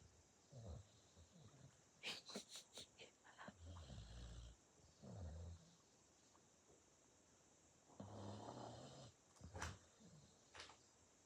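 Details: Sleepy dog snoring: low rumbling snores with some snorts and a few sharper clicks; ordinary dog snoring.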